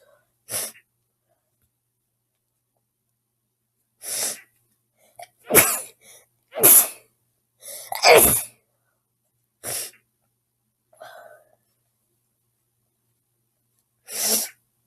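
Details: A woman's sneezing bout: about seven sharp, explosive sneezes in a row separated by quiet pauses.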